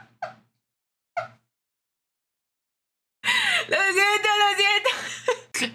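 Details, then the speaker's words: Mexican young woman who says she has just eaten and has been drinking water: two brief soft sounds, then a long, loud, voiced belch lasting about two seconds; loud burping. "¡Diablos, señorita! ¡Ya hasta perdí la cuenta!"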